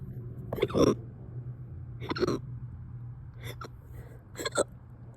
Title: I’ve had these for over 2 hrs btw 😀 #hiccups #crazyhiccups #funnyvideo #funnyshorts